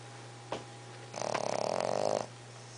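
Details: English bulldog puppy snoring: a brief snort, then one long rattling, fluttering snore on a single breath over low room hum.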